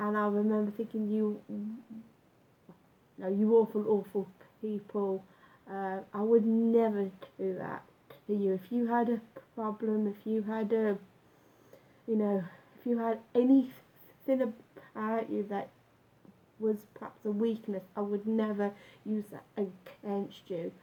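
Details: Adult male with lifelong stammer, onset about age nine after school bullying, much worse in youth, now self-described as slight; had breathing-focused speech therapy and still practises techniques; stuttering.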